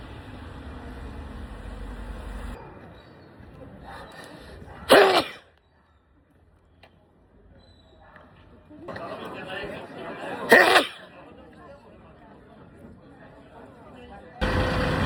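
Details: Two sharp, stifled sneezes several seconds apart, heard over steady background noise.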